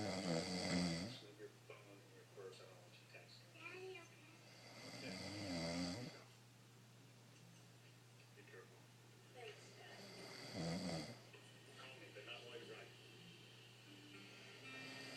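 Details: Rough, low, irregular and fairly quiet snoring during sleep, about 12 snores a minute over steady room hum; the sleeper claims he doesn't snore.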